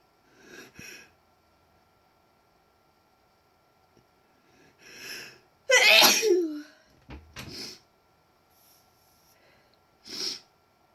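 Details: Several deliberately self-induced sneezes with quiet gaps, one loud forceful burst in the middle. Ordinary real sneezing.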